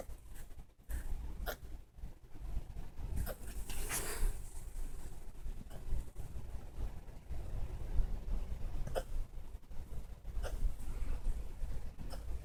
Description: our little pitbull puppy had the hiccups then fell asleep!!